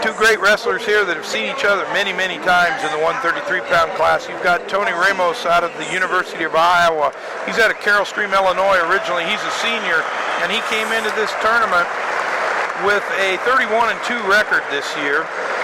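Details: Adult male sports commentator; normal speech.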